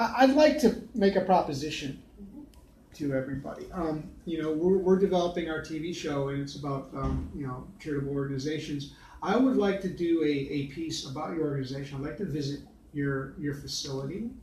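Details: Adult male speaker; Normal adult speech.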